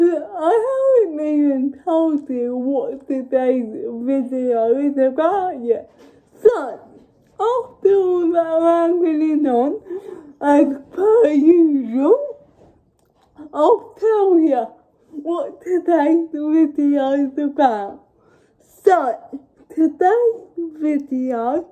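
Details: Dysarthria in a woman with cerebral palsy, speaking English.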